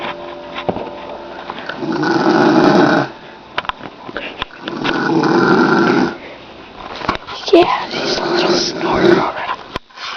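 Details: Grandmother asleep in her chair, snoring heavily: loud, rasping snores about every three seconds, roughly 20 a minute, with some room noise and clicks.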